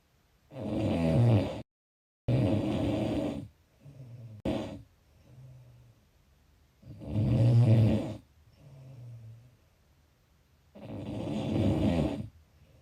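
Loud, rough, rattling snores on each breath in, with quieter breaths out between, about five cycles in thirteen seconds.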